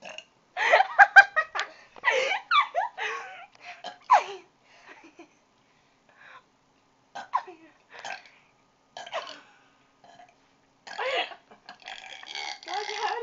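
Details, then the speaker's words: Person burping repeatedly while drinking soda: several loud, drawn-out belches with laughter and chatter between them; one burp made soda come up through the nose. "that was that was [Applause] gross made me cough up some soda ew the soda went down like out my nose"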